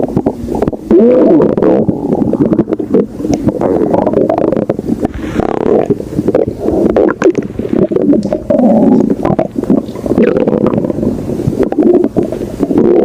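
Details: Continuous loud, low gurgling and churning from a hungry stomach, recorded very close with rubbing noise; stomach growling (borborygmi).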